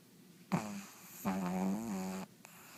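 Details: Sleeping pug with two snorting, buzzy breaths, the second long and rattling; loud snoring.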